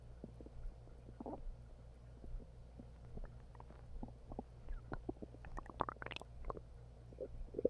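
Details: Stomach growling after eating half a bag of hot chips: borborygmi.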